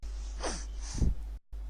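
A single adult sneeze: a brief voiced intake followed by a sharp, explosive burst of air.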